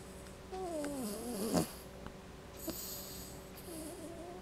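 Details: Sleeping female dog snoring: soft nasal snoring with brief squeaky, whistling tones and snorts, over steady room hum.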